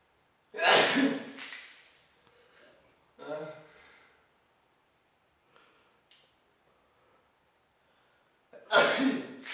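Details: Two loud explosive sneezes with breathy sounds between them, induced by sniffing black pepper with blue-dyed water held in the mouth, for a student's science project on how far germs travel when sneezing.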